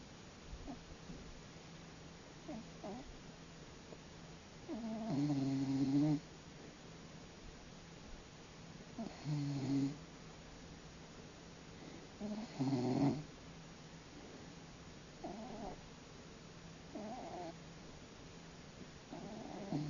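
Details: Snoring from Big Friendly, a large 18 lb male cat born March 2001, asleep (he likes sleeping in laps); low rumbling breaths, some loud and some faint, about 20 a minute.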